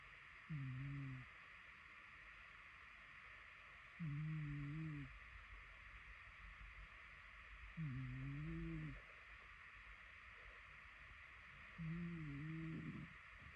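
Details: A sleeping cat snores softly and low, about 16 breaths a minute, over steady room hiss: quiet cat snoring.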